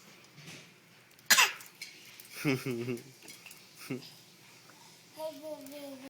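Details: Sneeze in a basket: a single sharp, explosive sneeze burst, then brief voices ("Bless you") and household clatter in a small room.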